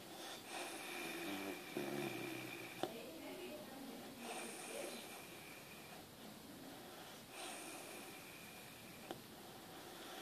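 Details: Staffordshire terrier snoring while asleep, recorded close from the front: soft, rough snoring breaths with occasional snorts, about three breath cycles over ten seconds, in a quiet room.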